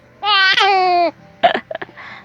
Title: Laughing hiccup baby